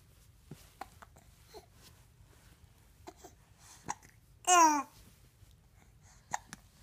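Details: Infant hiccups: soft, abrupt catches repeating irregularly in a quiet room, with one brief baby squeal.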